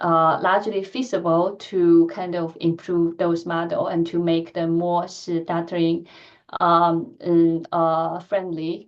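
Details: Adult woman who stutters, speaking during a lecture; she says her stuttering pattern varies with the listener and the situation; finding: stuttering.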